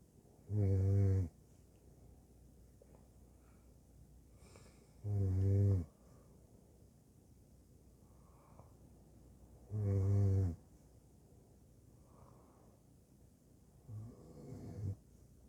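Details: Deep, buzzing snores about every five seconds, roughly 13 breaths a minute, in a quiet room; ordinary snoring.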